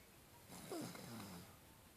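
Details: Snoring from a sleeping dog.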